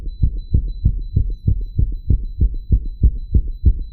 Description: Hey guys! Here's a video of me wired to a 3 lead ECG monitor. You can both hear my real heartbeat sound and the beeping. Heart's visible as always, I used some "tricks" to make it beat super fast.